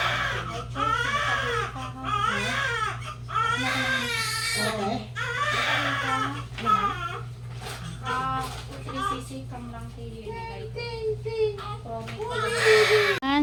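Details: Vigorous newborn cry: strong, repeated wailing with brief breaths between, adult voices nearby. Baby girl just born by normal vaginal delivery (mother's third pregnancy), 3.6 kg, born 3:40 PM.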